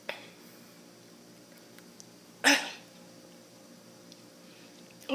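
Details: Harsh, choking coughing fits.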